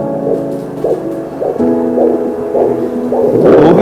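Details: Regular pulsing whooshes over a steady tonal hum, a Doppler device placed over a student's heart during a classroom demonstration: normal Doppler blood flow sound.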